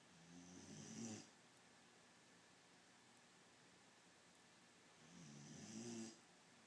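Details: Sleeping beagle snoring: soft, rumbling snores with quiet gaps, about one every five seconds (roughly 12 a minute).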